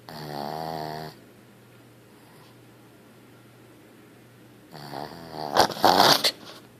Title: Sleepy dog wakes herself snoring